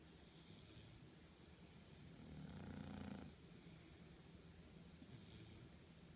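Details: Bulldog snoring: a low, rumbling snore that swells once and fades under steady background noise.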